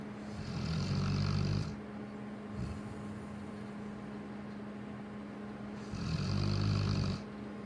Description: Lola our cane corso snoring